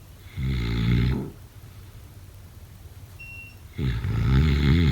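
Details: Loud, low rattling snores on breathing in, separated by quiet pauses of about two and a half seconds.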